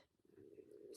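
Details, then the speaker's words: Low, drawn-out gurgling rumble that grows louder over about a second: stomach growling (borborygmi). "now that's my stomach growling just ignore it my stomach is making gurgly noises stop it stomach"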